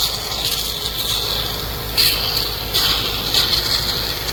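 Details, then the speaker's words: Home tracheostomy suctioning of an adult man after a stroke from a brain bleed, with the catheter inserted to the 15 mark: steady suction-machine hiss with louder surges as secretions are drawn. "You put your finger on here so you can suction. It's going to get a little bit noisy because of all the machinery."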